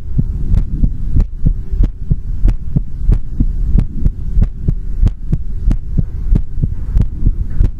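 Steady low paired thumps, about 94 beats a minute, over a soft hum; a regular heartbeat.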